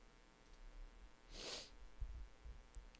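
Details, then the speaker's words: A single forceful, unexpected sneeze: one sharp, airy burst of about half a second in a quiet room. "Oh, I don't know why I just like sneezed so hard. I might do it again. It might happen to me again."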